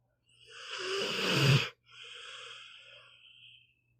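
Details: Pit bull dog sleeping and snoring: one loud, rough snoring inhalation, then a softer whistling exhalation.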